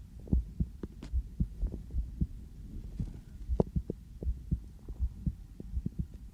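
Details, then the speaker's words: Adult's own heartbeat through a sensitive stethoscope, regular paired low thumps, somewhat fast at about 110 a minute after just coming in from outside; recorded for ASMR; normal heart sounds. "저도 제 심장 소리를 이렇게 크게 듣는 건 처음이네요. 왜 이렇게 빨리 뛰지? 여기 와서 잘 들린다."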